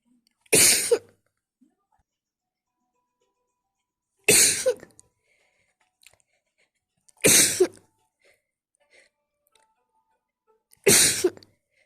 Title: Wet and messy sneeze attack (can someone tell me how many times I sneeze?)